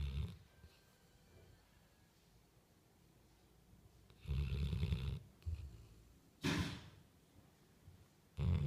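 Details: Labrador asleep with deep, low rumbling snores that have a snorting edge, a few seconds apart: snoring.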